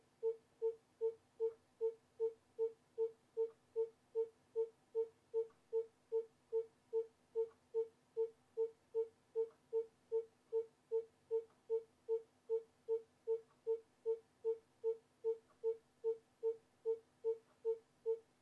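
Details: Simulated obstetric fetal heart monitoring from an education simulation: steady, regular pulsing tones at about 150 per minute, a normal fetal heart rate.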